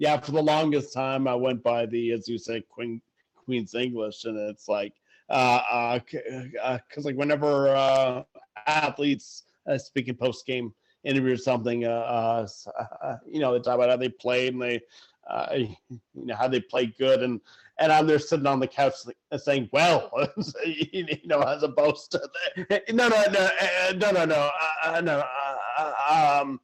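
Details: Adult who stutters, speaking conversationally; stuttering.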